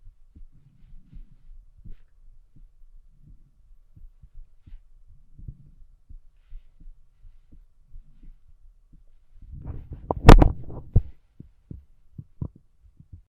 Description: A woman uses a stethoscope to listen to her own heartbeat.